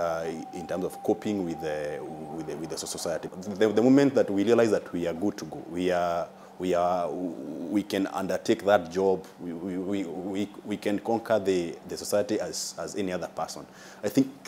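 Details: Adult man with a stammer since childhood, judged mild by the doctor, with delays on some words that worsen when nervous; stuttering.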